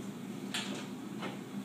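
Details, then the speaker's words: Two soft clicks and a brief slide over steady room hum as a side panel of a NICU Giraffe Omnibed incubator is unlatched and lowered to access an 820-gram infant; each side comes down. "can you show us how you're able to have easy access to the baby with the sides of the giraffe bed going down yes each side comes down"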